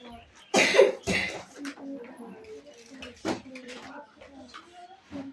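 Two short, loud coughs from an adult, followed by quiet talking in a small room.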